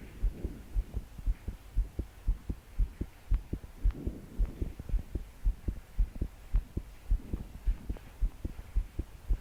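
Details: 22-year-old female trying to calm her heart to sleep, body shaking with each beat; rapid, pounding heartbeat, fast strong low thumps about 110 per minute with soft breathing and heavy rain hiss behind.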